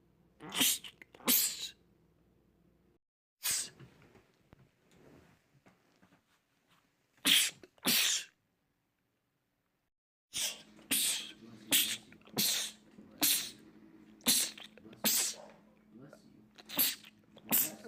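Sharp explosive bursts in quick runs, roughly a dozen sneezes with short pauses; repeated sneezing attacks.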